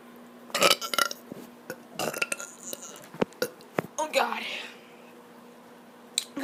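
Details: Child deliberately burping, tired after running a lot, recorded on an iPad: several short, rough throaty burps mixed with breathy voice sounds; ordinary belching.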